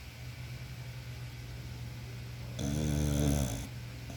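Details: American Bully dog snoring like a human: one loud, coarse, rattling snore over a steady low room hum.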